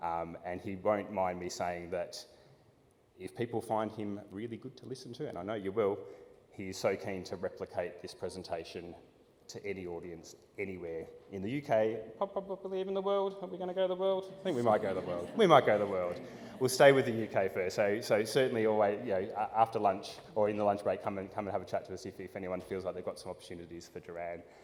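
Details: Adult man speaking; typical speech.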